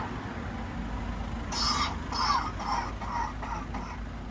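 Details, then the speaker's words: Recorded cough, a run of about six quick coughs, played through a bus shelter loudspeaker over street and traffic noise in a lung cancer awareness campaign about coughs lasting 3 weeks or more. "It's easy to ignore a cough. You've probably just done it. But if you, or someone you know, has had a cough for 3 weeks or more, it needs to get checked out."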